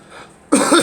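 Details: One or two abrupt, harsh adult coughs, close to a throat clear, from a speaker complaining of allergies while painting.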